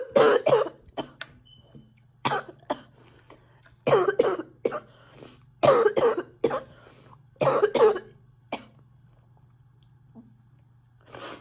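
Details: A sick girl coughing a lot: repeated bursts in close groups of two or three, about a dozen coughs, with quiet gaps and a low steady hum; cough.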